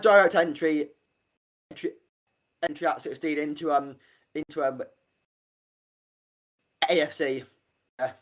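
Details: Stuttering (stammering) in an adult man, an army medic leaving service to become a personal trainer, who has stammered since about age five; real, not acted.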